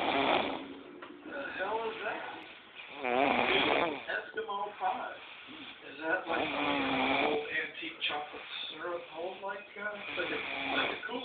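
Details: Weird-sounding snoring: irregular rattling, fluttering snores with odd whistling and vocal-like tones, about 17 a minute.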